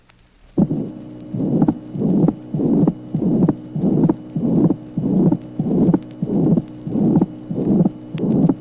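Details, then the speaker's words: Vintage 1966 teaching recording of heart auscultation, tracing 19: ventricular septal defect with pansystolic murmur and widely split second sound; regular heartbeat about 98 a minute. "Tracé numéro 19. Communication interventriculaire. Souffle pansystolique, dédoublement espacé du deuxième bruit."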